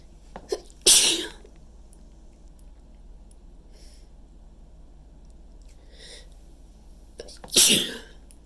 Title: messy chhinkni sneezes pt.2